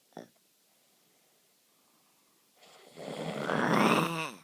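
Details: After a brief click and silence, one long snore swelling into a harsh, rasping, rising sound, presented as a creepy snore; snoring.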